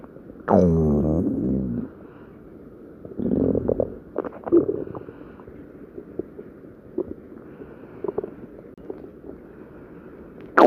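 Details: A loud, low, bubbling gurgle, then softer intermittent gurgles and pops against a quiet background; ordinary stomach growling (borborygmi).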